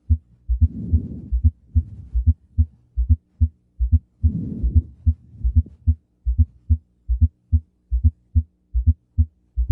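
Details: Fourth heart sound (S4 gallop), auscultation teaching clip: regular heartbeat near 72 a minute with an extra soft low sound just before each first sound.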